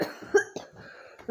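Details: Several short, harsh cough bursts in quick succession: irritative coughing in a smoke-filled house.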